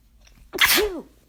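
One sharp sneeze: a quick breath in, then a loud burst of air with a brief squeaky voiced tail.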